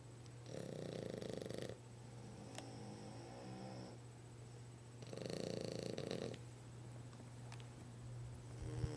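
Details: Two French bulldogs napping, snoring in tandem: two long, rough, rattling snores about four seconds apart over a steady low hum, with quiet breathing between them.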